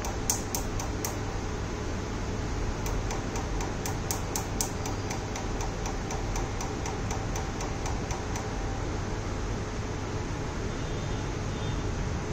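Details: Tattoo removal laser pulses at a skin clinic: rapid trains of sharp ticks over steady room noise from the repeated laser firing.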